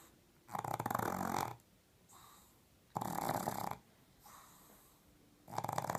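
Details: Pug blind from birth snoring very loudly while asleep with her eyes open, next to a 10-year-old black pug. Loud, harsh rattling snores about every 2.5 seconds (around 24 breaths/min) with softer wheezy out-breaths: snoring.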